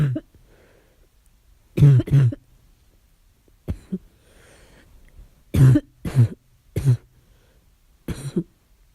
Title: Barking cough at night